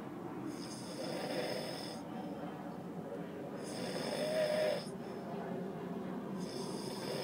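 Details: Man caught sleeping in a car during a road trip: rough, rasping snores repeating with each breath, about three breath cycles, over a steady background hiss; snoring.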